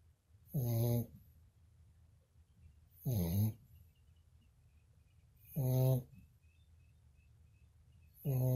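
Regular loud, rumbling snores about every 2.5 seconds, roughly 24 a minute, with quiet between. Snoring.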